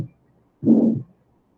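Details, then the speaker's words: Soft, smooth systolic whoosh after a heart sound, fading midway; gentle physiological flow murmur, as may occur in pregnancy from increased volume or in anemia; physiological flow murmur. "lo podemos encontrar, por ejemplo, en una paciente embarazada y puede hacer algo fisiológico, nada más adaptativo por el incremento del volumen que le genera el embarazo."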